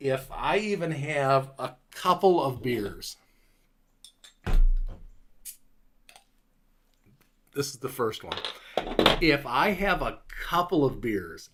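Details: Adult man five years after a stroke, with a clot thought to come from his neck that damaged Broca's area in the left frontal lobe; much of his speech has recovered but word-finding difficulty remains; Broca's (expressive) aphasia.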